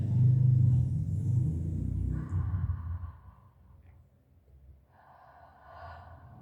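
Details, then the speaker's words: Soft normal breath sounds through a stethoscope on the anterior chest of a female patient, partly covered by heartbeats, in a lung auscultation demonstration; lungs judged healthy. "muy bien ahora al lado colateral por favor m muy bien en este caso es de mi agrado mencionar ven que mi paciente tiene unos pulmones sanos"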